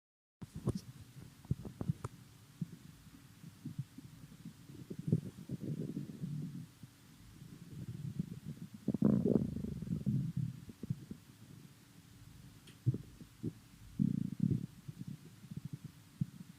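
Low gurgling and rumbling, with bursts and short pops against a steady hum; ordinary stomach rumbling on an empty stomach.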